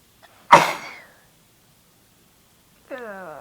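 One sharp explosive sneeze, then a brief vocal sound after a pause.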